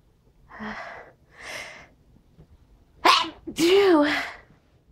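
Two soft breathy sneezes, then a loud sharp sneeze with a voiced tail, in a quiet room.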